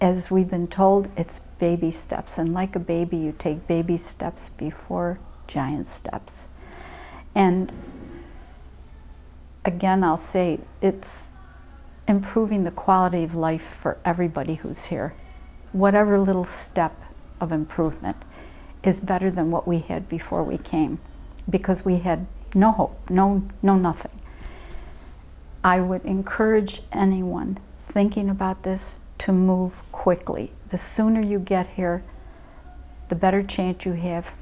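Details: Adult speaker; ordinary speech.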